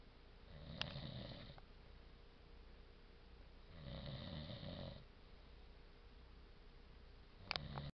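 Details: Snoring in a sleeping man: two rumbling snores about three seconds apart, roughly 20 breaths a minute, with faint room noise.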